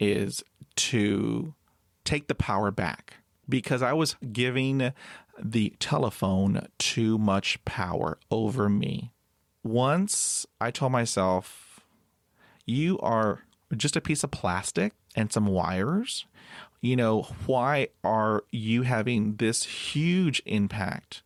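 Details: Overt stuttering with blocks in an adult man who still stutters even when alone, after about 20 years of speech therapy.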